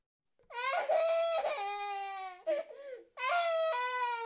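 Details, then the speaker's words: Infant crying, played as a sound-identification example in an English lesson: long, high, tonal wails broken by a brief catch and a breath. "okay okay a baby is crying"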